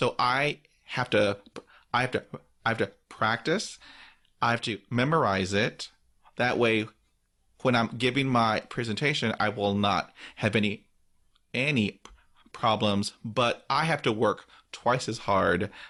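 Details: Adult man who stutters, describing blocks and difficulty with consonants and vowels; word and part-word repetitions audible; stuttering.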